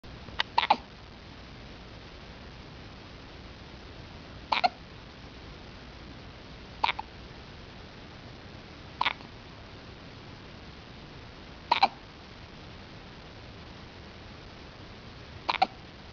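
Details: Baby with hiccups: six short sharp hiccups over about sixteen seconds, some doubled, against quiet room noise; ordinary infant hiccups.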